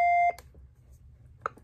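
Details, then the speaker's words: LifePak 15 monitor alarm during CPR after first shock, alarming because patient is pulseless, training demonstration: single sustained electronic alarm tone. "I'm sorry it's gonna keep alarming at me because it's defensing that the patient is pulseless"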